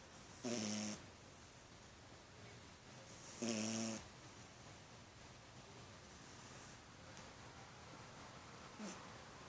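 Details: Cat snoring while asleep: two rough, buzzing breaths a few seconds apart over quiet room hiss.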